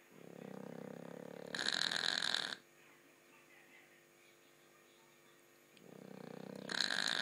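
A low rumbling inward breath turns into a harsh, hissing snort, followed by a quiet pause and then the same pattern again; dog snoring.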